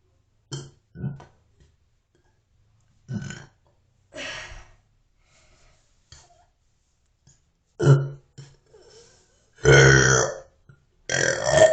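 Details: A series of short and longer throaty belches with pauses between, several loud and drawn out; repeated burping.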